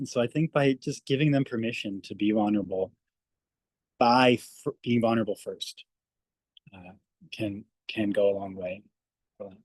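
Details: Adult speech-language pathologist who stutters, speaking on a panel, with long pauses and fillers before words; stuttering.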